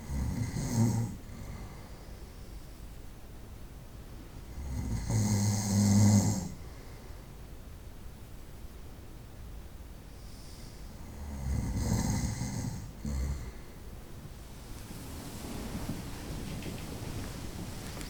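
Deep, rumbling snores on inward breaths, about 9 a minute, over steady room noise: snoring.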